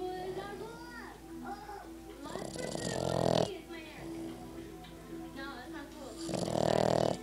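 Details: Dog snoring: two loud, rough in-breath snores over a steady hum with background music and voices; owner wonders whether the snoring should be this loud.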